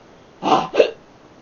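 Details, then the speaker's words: Real hiccups during speech while filming: one hiccup, a short sudden catch of breath with a voiced gulp, in a quiet room. "Ah! It's getting really annoying. I should stop it. Hiccups. Stupid hiccups."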